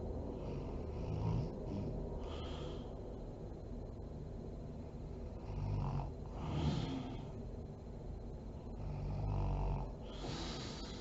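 Low rattling snores with snorting on each breath in, about three breaths over ten seconds, against steady room noise.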